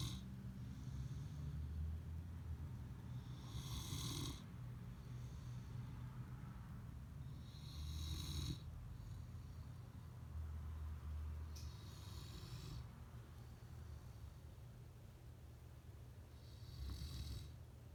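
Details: A sleeping wolfhound, almost 1 year old, snores slowly and rhythmically, a rattly snort about every four seconds over a steady low rumble.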